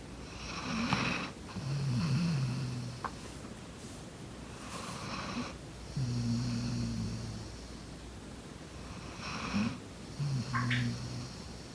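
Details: Golden retriever dog sleeping and snoring loudly: repeated breaths, each with a rough, buzzing inward snore and a whistling, snorting outward puff, about 12 breaths a minute; loud snoring.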